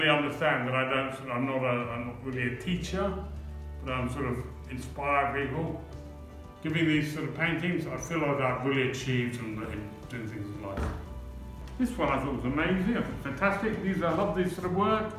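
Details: 63-year-old man with aphasia after a stroke in 2018, also with seizures; aphasia.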